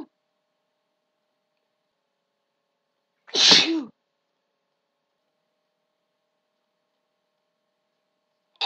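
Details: Female sneezing: one loud, sharp sneeze with a hissing burst and a short voiced tail, surrounded by silence.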